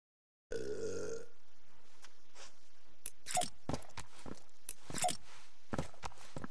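A single low, drawn-out belch, then quiet room noise with a few faint clicks and rustles.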